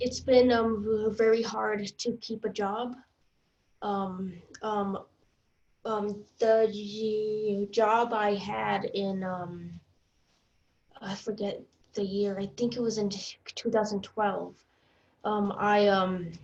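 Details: Stuttering in an adult woman, recorded before she completed a stuttering coaching program.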